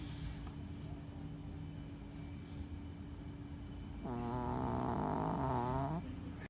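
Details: Female dog, about 2 years old, snoring while asleep and very tired after a long day at the beach: steady background hum, then one long, rattling, buzzing snore near the end.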